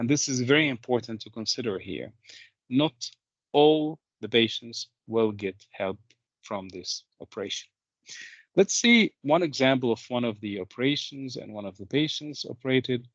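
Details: Adult male speaker; typical speech.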